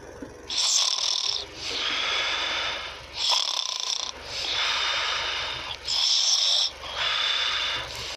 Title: snoring 21